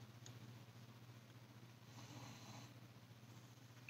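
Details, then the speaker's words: Dog snoring softly in the background in a small quiet room: steady low rumble with one louder, breathy inhaled snort. "you can hear my dog snoring in the background and he's so cute"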